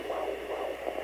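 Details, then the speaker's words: Home Doppler on the pregnant belly in a monoamniotic twin pregnancy: quick, rhythmic whooshing pulses over a steady hiss, one twin's fetal heartbeat. "you look through the volume here that that's one heartbeat"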